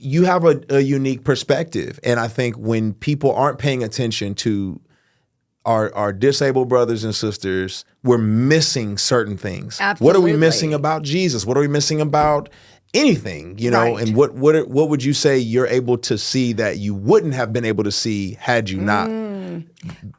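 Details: Adult man speaking; normal speech.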